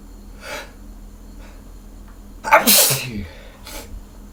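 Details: Sneezing by a hungover person just before a shower, felt a tickle: soft breaths build to one loud, explosive sneeze with a faint trailing breath in a quiet room.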